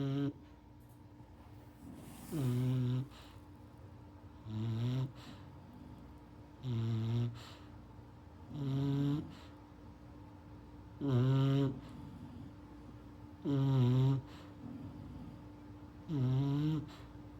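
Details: Sleeping English bulldog puppy snoring: short, squeaky snores with each breath, about 24 a minute, steady and rhythmic.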